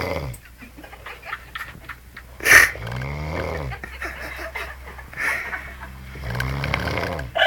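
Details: Rakia snoring: rattling, growl-like snores with snorting breaths and a brief sharp snort partway through; a sleeping dog's snoring.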